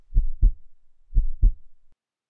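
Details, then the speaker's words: Normal heartbeat, a repeating "thump thump" rhythm. "Thump thump, thump thump. Why does it make a sound like that?"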